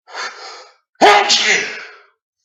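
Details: A quick indrawn breath, then a single loud, explosive uncovered sneeze; real but deliberately induced sneeze, recording slightly edited.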